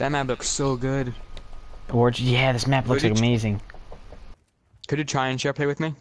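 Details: Male speaker with a speech sound disorder after abnormal ears at birth and deafness for about his first three years, so he learned to speak incorrectly; a friend calls it a little speech impediment; finding: speech sound disorder after early childhood hearing loss.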